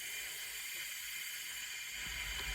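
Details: Soft steady hiss of rushing air with a faint hum from an Airvo 2 high-flow nasal cannula connected to wall oxygen, with the flow meter at about 25 giving 92% FiO2, in a demonstration.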